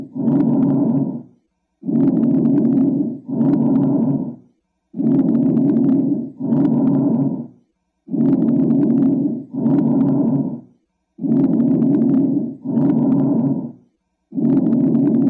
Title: Bronchial breath sounds